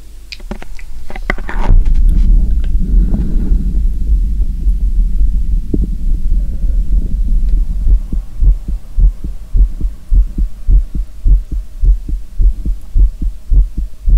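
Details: Real human heartbeat recording: steady low thumps at about 105 beats per minute with a low hum underneath, after a brief rustle; a regular, normal-sounding heartbeat.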